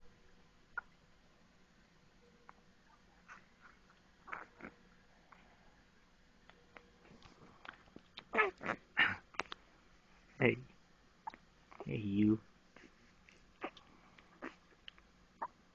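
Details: Infant with a pacifier (binkie) gives short, abrupt, squeaky hiccup sounds between soft clicks in a quiet room.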